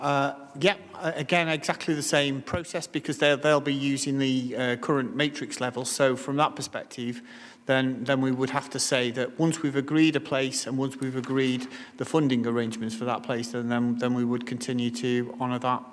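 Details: Adult man speaking; Normal adult male speech.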